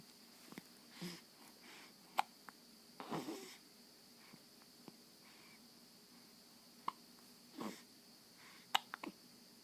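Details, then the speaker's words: Baby with hiccups: brief, sharp catches of breath repeating irregularly, about seven in ten seconds, with faint room noise. "Have you got the hiccups? The baby in the movie has the hiccups too."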